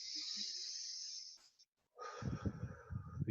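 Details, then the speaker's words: Normal vesicular breath sounds heard on lung auscultation with a stethoscope: a steady airy rush of air moving in and out of the alveoli as the demonstrator breathes in and out, then a pause and low muffled sounds. "inspirar quando eu faço esse movimento de inspiração expiração o ar entra nos meus alvéolos e vai provocar os murmúrios vesiculares"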